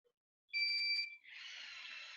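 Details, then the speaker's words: T34 syringe driver powered on after battery insertion: a steady high-pitched start-up beep, then soft whirring as the plunger arm moves back to its starting point during a practical set-up demonstration. "so tune in many charts training camp we are going to pop the battery in like so I'm to the pump on I press end that on the switch now"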